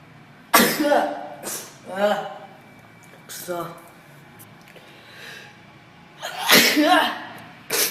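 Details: Japanese girl with an itchy nose sneezing: a loud sneeze, a short pause, then another forceful sneeze, with quiet breaths and a gasp between them.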